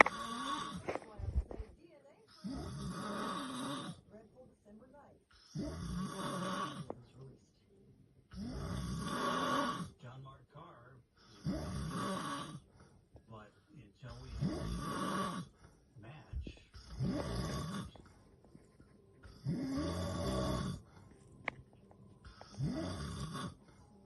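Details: Adult man's loud, rough snoring recurring about 20 times a minute with quiet gaps but no long breathing pauses; he suspects sleep apnea, unconfirmed.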